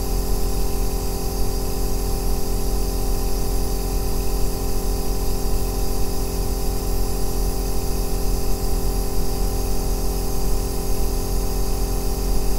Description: ASMR 2 Hours of Aerosol Nebulizer Sound | O Melhor Ruído Branco para Dormir e Relaxar